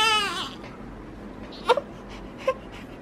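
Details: Five-week-old baby boy's brief, fading discomfort 'heh' cry (Dunstan baby language); parent guessed discomfort, found a wet diaper needing changing. Quiet room sounds and soft knocks follow.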